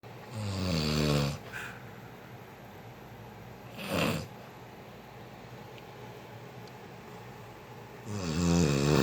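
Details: Adult snoring in sleep: deep, rattling snores on breathing in, with long quiet pauses and a softer breath between them; plain snoring.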